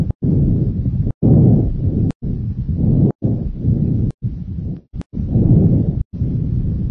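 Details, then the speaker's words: Bronchovesicular breath sounds auscultated over the upper sternum, first and second intercostal spaces, anterior thorax: steady low rushing breath sounds with inhalation and exhalation similar in length. "You should hear bronchovesicular sounds around the upper sternum in the first and second intercostal spaces."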